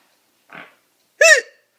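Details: Female whose face is turning red while being filmed: a soft catch followed by one sharp, squeaky voiced hiccup; hiccups.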